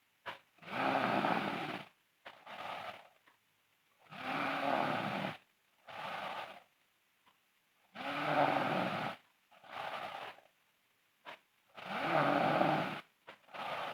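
Loud, rough snoring on each breath in and a softer snore on each breath out, about 15 breaths a minute.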